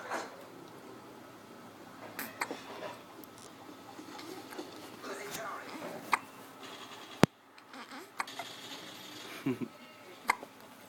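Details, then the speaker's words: Baby girl's first hiccups: faint, abrupt clicking catches recurring irregularly in a quiet room with soft voices; infant hiccups. "And the hiccups. Hiccups. Hiccup. She hiccup? She hiccuping, huh? Look at baby hiccup."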